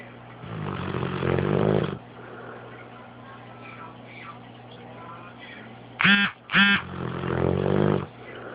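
Two loud rattling snores with brief snorting sounds between them; snoring in a sleeping dog.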